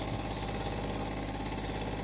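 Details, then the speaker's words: Steady loud motor hum with a rattling buzz from a home nebulizer compressor running during treatment of a baby with a stiff cough; the baby was previously hospitalized for mild pneumonia. "So siyang ano lamig an may lamig Siya inubo kasi si baby. Meron kasi siya medyo matigas yung ubo niya kahit nag ano pinanizer ko muna siya. Actually ito yung nebolizer na to sa panganay ko pa to."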